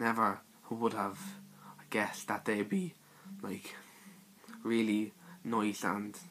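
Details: Male speaker with his own stutter (stammer); stuttering.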